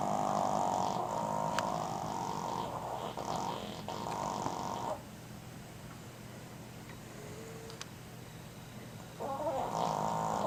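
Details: A sleeping female dog snoring loudly: buzzing snores with a rough, fluttering tone and a quiet pause between them, then another snore.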